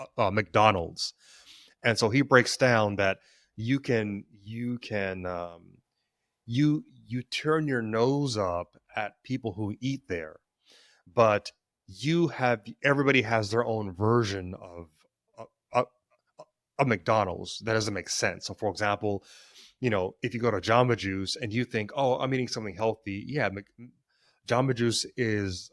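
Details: Stuttering in an adult man, present since childhood; he describes it as situational, worse with stress and before authority figures, and links its triggers to past trauma.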